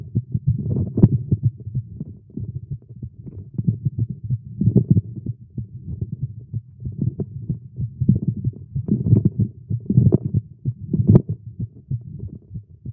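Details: A male heartbeat recorded after exercising with caffeine, tagged as irregular and fast. There are rapid, deep thumping heartbeats with uneven loudness and a rumbling hum, a fast heartbeat.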